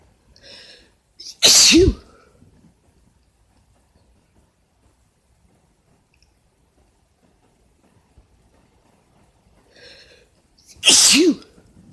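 Two loud, sharp sneezes, each preceded by a quick inhaled catch, separated by about nine seconds of quiet.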